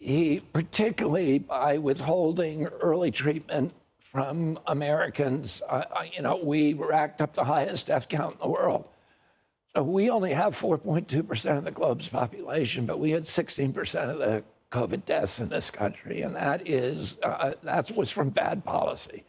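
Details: Adult man whose voice was very strong until age 42, when he developed a neurological condition he calls spasmodic dystonia that changed his voice; real spasmodic dystonia.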